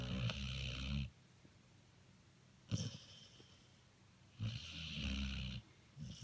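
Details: Snoring from a sleeping dog: slow, rumbling snores on each breath in, about three breaths heard, separated by quiet pauses.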